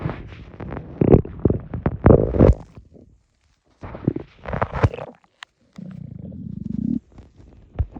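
Loud gurgling and low rumbling stomach noises in bursts, one long steady growl; borborygmi after swallowed air.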